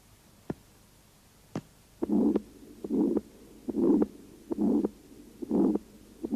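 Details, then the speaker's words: Over the pulmonary artery in mitral stenosis, heart sounds about 70 a minute with an accentuated, split second heart sound from raised pulmonary artery pressure and non-simultaneous closure of the semilunar valves; accentuated split second heart sound. "на легочные артерии при митральном стенозе выслушивается акцент и расщепление 2 тона они образуются при повышении давления в легочной артерии и не одновременном захлопыванию полулунных клапанов"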